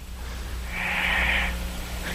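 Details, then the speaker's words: Snoring in a sleeping 17-year-old boy who has not gone through puberty, in deep sleep with slow respirations; one soft, airy, light, high-pitched snoring breath without the coarse rattle of a man's snore, sounding like a child's, heard over a phone line. "listen to his snoring I didn't I say it sound like a little kid like a child yeah it doesn't have that coarse no it does not have that manly snore"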